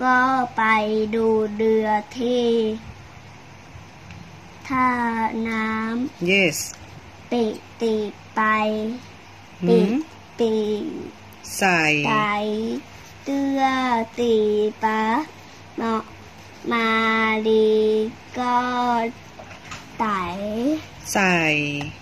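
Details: Young child reading aloud; speech of a child with cochlear implants.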